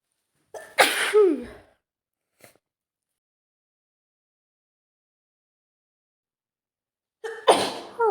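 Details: Female with an early head cold caught from her sick boyfriend: two forceful sneezes, each with a sharp breath in before, separated by several seconds of silence.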